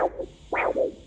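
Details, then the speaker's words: Handheld lower-limb arterial Doppler without a monitor: whooshing pulse with two distinct sounds per beat, representing loss of elasticity and low-grade stenosis; biphasic arterial Doppler signal. "At the end of each segment of each waveform, I'll have the actual sounds, but it's going to have two distinct sounds, like, and you'll be able to recognize it audibly, especially once you have some hands-on experience."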